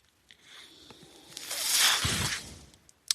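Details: Mechanical ventilator noise heard in the background while its user, a man, speaks on his podcast.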